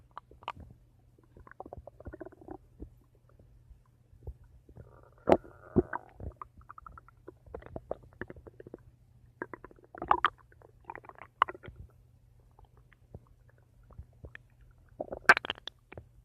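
Scattered gurgles, squeaks and brief rumbles from the abdomen over a faint steady hum: ordinary stomach rumbling (borborygmi).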